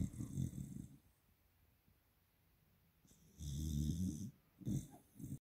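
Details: Loud rumbling snores from a sleeping Springer Spaniel puppy, about three breaths separated by quiet pauses; ordinary sleep snoring.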